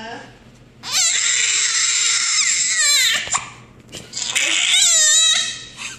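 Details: Fussy infant with hiccups crying: loud, sustained, high-pitched wails with a sharp catch between them.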